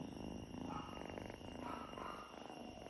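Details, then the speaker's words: Pet cat purring while being touched and petted; the owner says the sound is affection, not chest congestion. The cat still has eye discharge. Soft, steady rumbling purr. "അത് കഫക്കെട്ട് കൊണ്ടെന്നല്ല അവര് നമ്മളോട് കാണിക്കുന്ന ഒരു സ്നേഹമാണ് നമ്മൾ അവര് തൊട്ടു കഴിഞ്ഞാൽ അപ്പൊ ആ സൗണ്ട് വരും"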